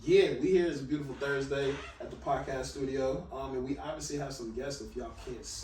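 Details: Adult male speaker; no speech disorder.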